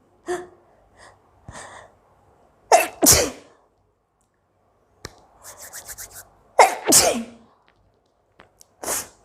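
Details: Repeated sharp, explosive sneezes, some with a brief in-breath first, separated by short quiet gaps, from an Indian mom vlogger during a 10-minute hiccups and sneezing challenge; she possibly smelled chilli to set them off.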